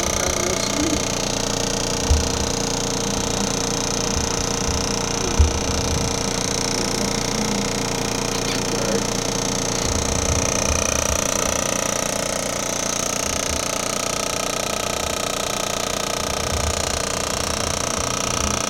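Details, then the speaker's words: Vibration device run over the calf and leg of a patient after hip replacement, to prepare tissue before radial shockwave therapy: steady rapid buzzing with occasional knocks as it moves. "so vibration first gets this um the part of the body ready for like the other like shocking vibration part of it and then radio Clause comes after"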